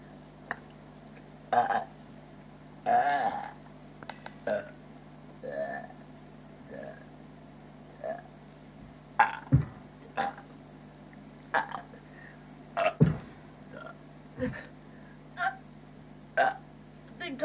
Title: Burping for a minute at my monkey park